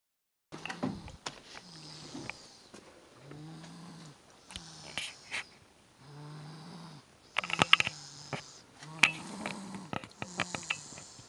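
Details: Child asleep in a car after a big day of presents: uneven snoring breaths with soft low buzzing tones among clicks and rustling; snoring.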